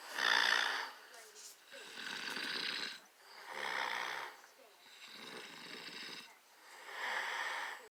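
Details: Adult woman snoring while asleep, recorded by her husband: rough, rattling breaths at a steady rhythm of about 13 a minute, loudest on inhalation; snoring.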